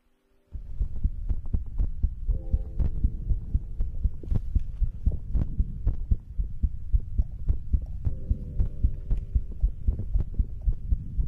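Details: ASMR recording of own heartbeat and breathing for sleep: steady, deep, muffled heartbeat thumps in paired beats with a low background hum.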